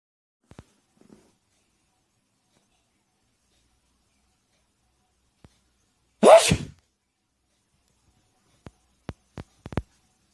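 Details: An adult father's single loud, explosive sneeze in a quiet room startles his sleeping puppy awake; a few faint clicks or taps follow.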